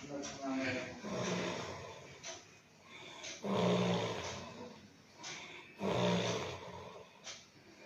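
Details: Loud, rough snores at about 25 a minute, with a snort at the start of each breath, from a police officer asleep on duty at a rural police post around 11 pm; ordinary snoring.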